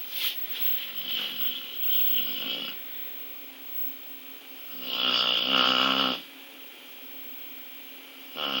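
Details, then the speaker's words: Sleeping female dog: two long, buzzing, fluttering snores with quiet breathing between them; very loud snoring. "Boo Bear, you're snoring. Boo, you're snoring. Baby. Boo Bear, why you snore so much? You're snoring."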